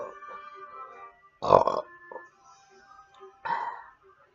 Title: cool burps from homer simpson and peter griffin